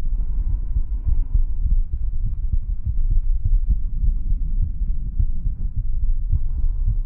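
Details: Heartbeat sounds for ASMR relaxation: a steady, low, muffled thumping under a continuous rumbling hum.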